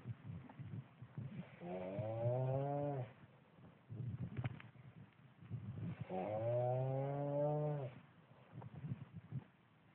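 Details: Loud snoring: two long, low, droning snores with a moaning, tonal quality, separated by shorter rough breaths.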